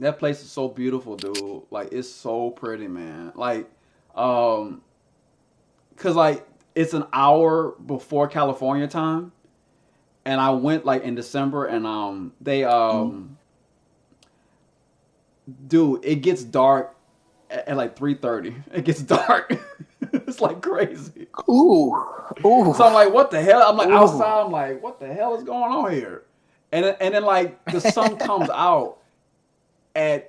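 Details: Stuttering in a man who stutters and uses a SpeechEasy device, a Bluetooth earpiece with a phone app that feeds his own voice back to him.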